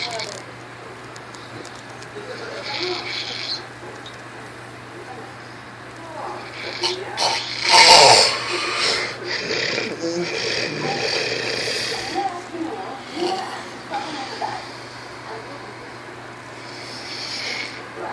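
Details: Sleeping person snoring, feet moving during sleep: irregular rattling, snorting breaths with a loud snort midway and steady room hum behind; snoring.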